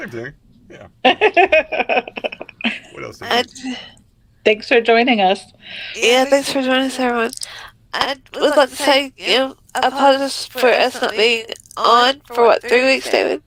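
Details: Woman with multiple system atrophy diagnosed in 2021, recently had her voice box scoped; voice tremor attributed to MSA.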